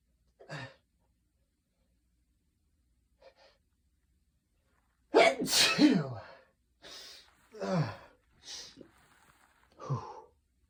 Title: Friday afternoon sneezing (m)